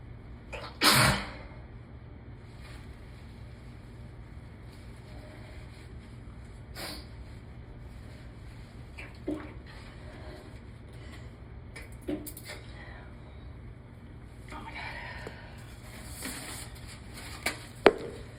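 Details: One loud, forceful allergy sneeze in a work bathroom, then quieter sniffs over steady room hum; allergic sneeze.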